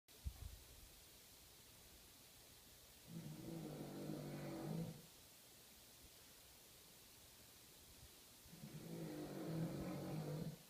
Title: King Charles Spaniels Snore!!